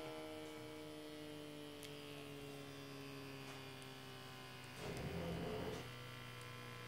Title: Health Care Wrist Portable Digital Automatic Blood Pressure Monitor